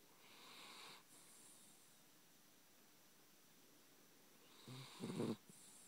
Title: My chiweenie snoring